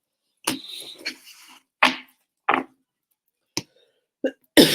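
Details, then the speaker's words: Adult woman, voice affected, about five short, dry coughs and throat-clearing bursts in a quiet room; cough. "Vraiment désolée pour ma voix et ma toux. Ne m'en voulez pas, c'est pas la peine de me le mettre 10 000 fois dans les commentaires."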